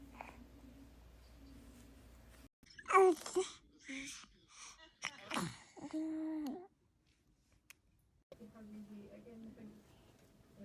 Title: Adorable little sounds after baby sneeze | Tiktok Compilation